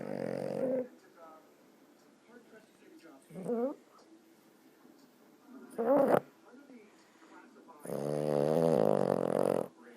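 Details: Snoring, twitching in sleep: loud, rough, groaning snores in bursts, mixed with throaty moans between breaths.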